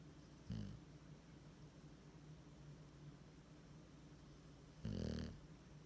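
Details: Bulldog with tongue hanging out gives two low, rumbling snorts several seconds apart over a low background hum; loud snoring.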